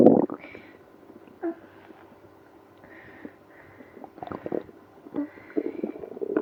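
Irregular gurgling and low groaning rumbles from the abdomen, loudest toward the end; active bowel sounds, or stomach growling.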